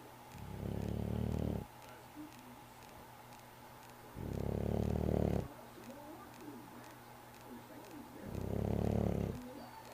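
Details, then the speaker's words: Sleeping cat snoring: deep, rattling, low snores in three long bursts about every four seconds; ordinary sleep snoring. "Mrs. Tinker's snoring."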